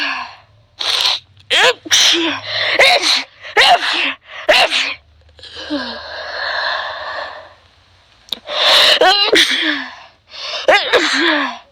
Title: sneeze allergy